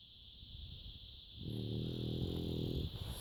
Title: Can't sleep he snores so loud! zZzz..